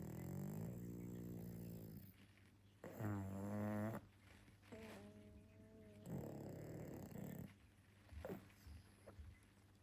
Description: In this adorable pug video, Pangpang the Cute Pug shares some of his best gentle pug snoring and snorts to delight pug lovers around the world.